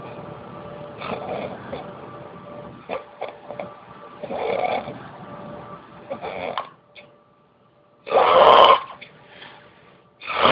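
Rough, rattling breathing noises in repeated bursts with a steady background hum; snoring.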